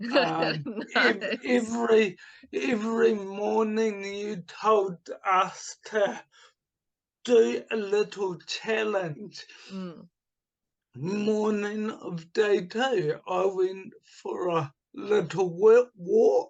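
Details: Adult man with dysarthria from cerebral palsy caused by oxygen starvation at birth, also affecting his right hand; voice slightly unusual; speech formerly very slow, now about two to three times faster but not back to normal.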